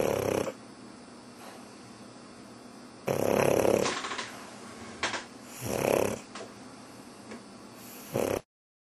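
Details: Pug dog snoring, possibly pretending to sleep: irregular snorting, rattling breaths, about three loud bursts over nine seconds.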